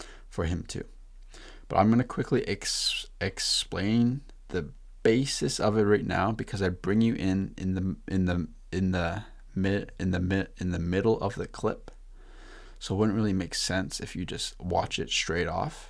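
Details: Male podcast host who stutters; repeated words and phrases; stuttering.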